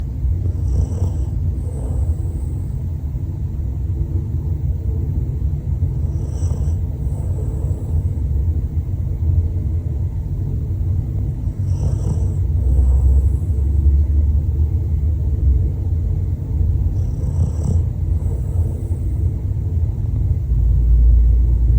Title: The Snore That Could End All Stress #dogasmr #fyp #asmrsounds #relaxingdog #dogshorts #sleepyvibes